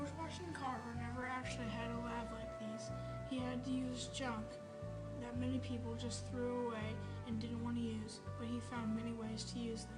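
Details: Tour guide speaking; normal speech.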